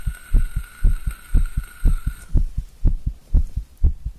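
Loud, regular low heartbeats at about 120 a minute, a fast strong heartbeat; steady hum in the background for the first half.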